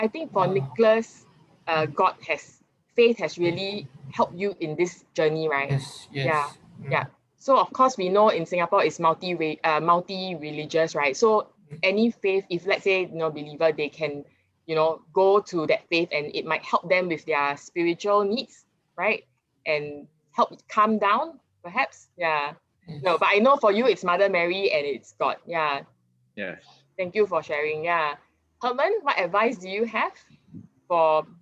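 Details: Adult woman speaking; ordinary speech.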